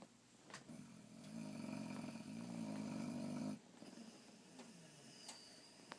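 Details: Boxer dog snoring during sleep: a single long, low rattling breath fading into quiet breathing with faint room noise.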